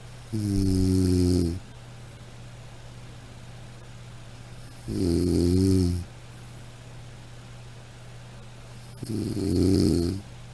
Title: Snoring sound